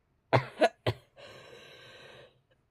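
Three quick, sharp coughs in succession, then a long, noisy, drawn-out breath in.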